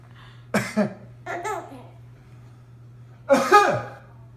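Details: Father's short cough bursts alternating with his baby's bright laughter; an ordinary adult cough.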